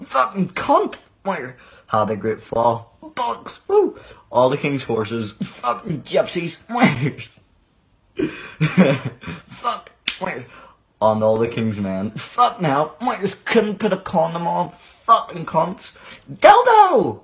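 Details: Adult male speaker; Vocal tics with coprolalia (Tourette syndrome).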